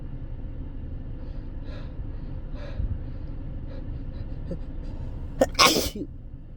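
A sudden loud, explosive sneeze after a short intake of breath, against low rumbling background noise.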